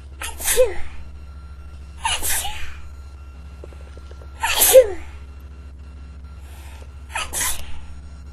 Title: Sneezing into a tissue